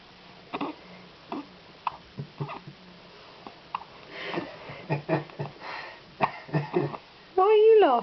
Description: My newborn twin boys have hiccups at the same time